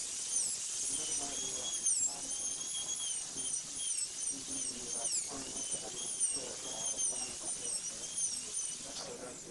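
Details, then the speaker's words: High-speed dental drill with wavering whine as the bur cuts the cingulum and shoulder toward the distal, kept parallel to the long axis, 3–5° taper, preparing a maxillary incisor for a PFM crown. "cut through the cingulum continuing to keep the burr parallel to the long axis of the tooth so that you do not over taper the tooth continue the shoulder preparation and onto the distal surface which should be about a three to five degree taper"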